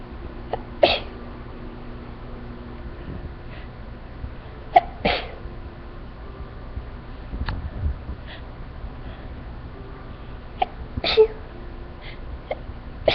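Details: Sneezing fit after exposure to flowers, end of the fit: a run of small, brief sneezes spaced a few seconds apart over steady background hiss.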